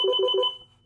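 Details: Three quick electronic beeps from a portable AED trainer set to adult mode, the alert tone before it advises defibrillation; training device with voice prompts, no real shock delivered.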